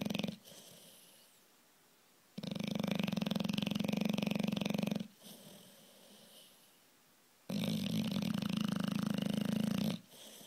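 Loud, buzzing, fluttering snores on each breath, each lasting about two to three seconds, with quieter pauses between. Typical noisy snoring of a flat-faced dog.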